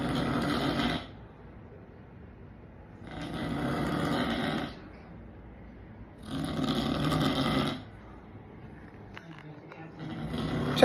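Loud, rough, rattling snores with quiet gaps between them, about three breaths in eleven seconds, roughly 17 a minute.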